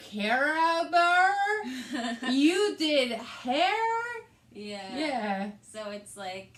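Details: Adult woman with aphasia, also affecting reading and writing, plus right-sided hemiparesis after a hemorrhagic stroke on May 19th 2020 treated with brain surgery and ICU care; aphasia.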